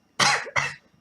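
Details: Two harsh, explosive coughs in quick succession, with no words spoken, from a poetry reader who has been unwell with a lung infection and keeps coughing during a recorded reading.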